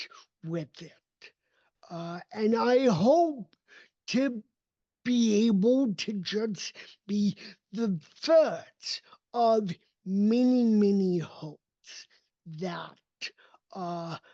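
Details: Dysarthria in an adult man with cerebral palsy; his speech did not develop until age seven, after extensive speech therapy, and he still trains it constantly.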